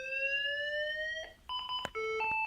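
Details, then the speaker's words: Paramedic OSCE equipment demonstration with a defibrillator set to 50 joules: rising electronic charging tone, then a series of sharp alarm tones signalling it is charged and ready to shock. "Now that it's ready for shock, it'll send off the alarm, and then we'll just press shock."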